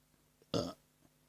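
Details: Burping: one short, voiced belch in a quiet room.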